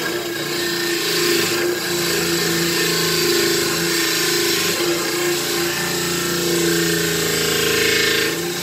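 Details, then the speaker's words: Dental lab demonstration on a model trimmer trimming a stone dental model: loud motor hum with rough grinding, pressure rising and easing in bursts. "And a little bit of a bigger model trimmer. For the Labs, they make a bigger model trimmer. It's a little bit bigger the wheel. It knocks a little bit off quicker."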